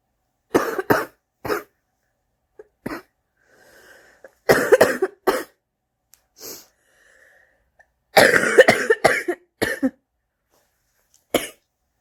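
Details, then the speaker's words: Adult smoker, about to light a cigarette, coughing in repeated harsh bouts with faint breathy intakes between them, a chronic smoker's cough. "okay I'm lighting my cigarette get rid of this cough what a fantastic smoker's cough you have why thank you"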